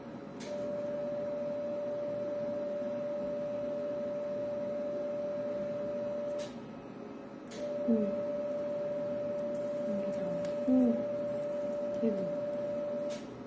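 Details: Monopolar electrosurgical unit (Bovie) in cutting mode, demonstrated on wet gauze with return pad attached: steady high electronic tone, briefly stopping and restarting, faint room noise.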